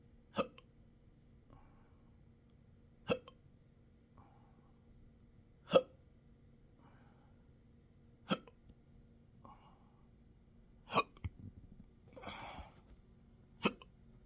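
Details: Person with intractable hiccups since December 2015, with choking spasms, belching and developing achalasia III, in 12-hour daily episodes. Sharp, abrupt hiccups at steady intervals, about 23/min, with a brief breathy sound near the end.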